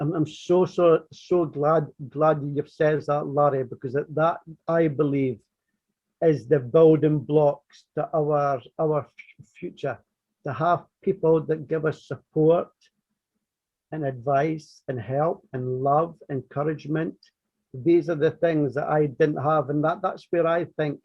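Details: Adult who stammers, describing his own stuttering journey in conversation; real, not acted: stuttering.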